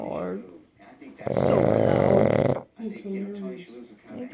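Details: Pug asleep in its owner's lap snoring loudly: a harsh, rattling breath lasting over a second between quieter wheezy breaths.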